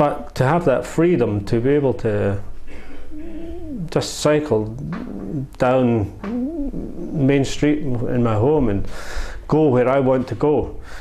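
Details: Ataxic dysarthria (slurred speech) in an adult man with SCA1, a muscle-wasting neurological disorder, during a second round of stem cell treatment; slurring had returned about 10 months after the first treatment.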